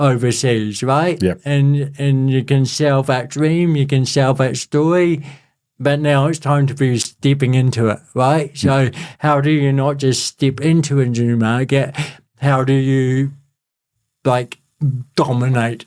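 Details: Adult male born with cerebral palsy, congenital and lifelong, who calls it a physical disability affecting how messages travel around his body; real speech; dysarthria (cerebral palsy).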